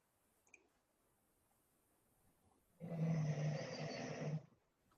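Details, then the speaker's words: Sleeping female dog snoring: a single low, rumbling snore lasting about a second and a half in a quiet room. "what is this noise does it sound like a dog snoring a breathing of sorts yes that is my dog snoring"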